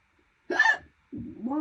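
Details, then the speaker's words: Persistent, painful hiccups about seven minutes into a bout lasting over 12 minutes: a single abrupt high-pitched voiced hiccup followed by the start of a vocal sound. "Oh, wow. Severe hiccups. Good. Got a high octave. High octave hiccups."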